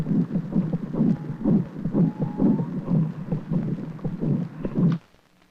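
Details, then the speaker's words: Captured, tied wildebeest, first attempt to tape an antelope's heart: fast, irregular low thumps through a stethoscope, mixed with loud breathing noise after exertion, air rushing in and out of the lungs obscuring the heartbeat; rapid heartbeat. "the heart's beating very fast but we're also picking up breathing noise we're not getting a good recording the sound of air rushing in and out of the lungs is obscuring the sound of his heartbeat"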